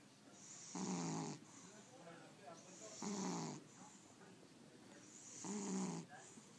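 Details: Sleeping cat snoring on a Sunday late morning: three soft, buzzing snores, about 26 per minute, with a faint whistle on each in-breath.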